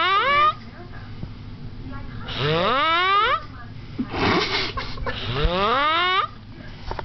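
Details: Sleeping adult, deeply asleep: loud, squeaky snores rising in pitch like a whine, separated by a noisy breath; snoring.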